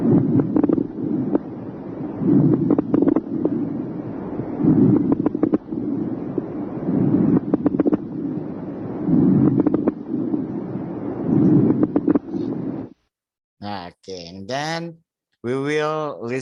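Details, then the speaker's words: Low-pitched, bubbling crackles recurring with each breath over noisy breath sounds: coarse crackles. "crackles are due to the sudden opening of very small airways"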